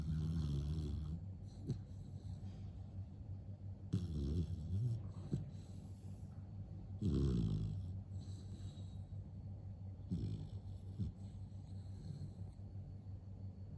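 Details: Vietnamese H'mong bobtail (Mông Cộc) dog, possibly red-coated, snoring while deeply asleep: low rumbling snores with soft snorts over steady breathing; ordinary snoring.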